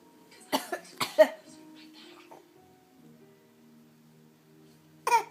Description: 4 month old son copying us when we fake cough